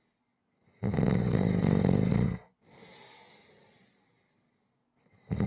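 Loud, low rattling snore on the in-breath, then a softer, airy out-breath, then the next snore begins. Ordinary snoring.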